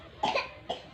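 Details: Cough: two short coughs from an infant brought for baby massage for a long-lasting cough, the first cough double-pulsed, against light background noise.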